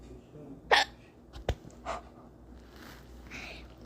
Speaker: So my hiccups are annoying me. I did a cough and a hiccup.